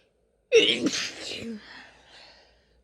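One forceful, voiced sneeze with a sharp onset that trails off into a soft breathy sound: a single sneeze.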